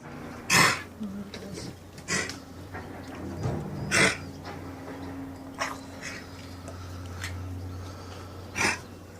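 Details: A child gives about five short, harsh, barky seal-like coughs over several seconds.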